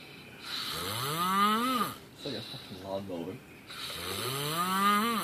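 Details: Long, loud, voiced snores rising in pitch on each breath, with softer rattling between, loud enough to suggest seeing a doctor; snoring.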